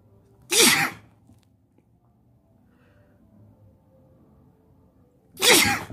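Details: Two loud, explosive sneezes about five seconds apart in a quiet room, while sitting on a bed; sneezing.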